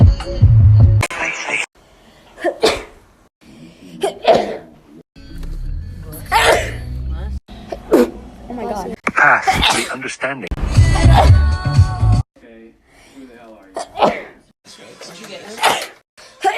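Series of sneezes from different recordings, with loud background music in places.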